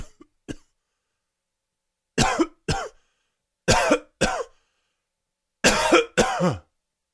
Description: Dry and wheezy coughing fit. Allergies!!!